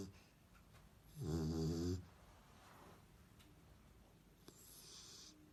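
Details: Sleeping dog snoring: one clear rattling snore lasting under a second, followed by quieter breathing sounds in a quiet room.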